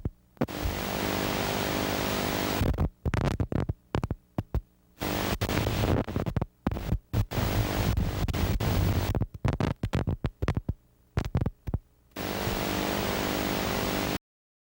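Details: Needle EMG teaching example: brief crackling bursts with each needle movement that stop promptly when movement stops, showing normal insertion activity.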